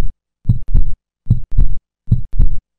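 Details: Simulated normal lub-dub heartbeat, about 75 a minute; the first heart sound (S1), heard in all healthy individuals, marks the start of systole.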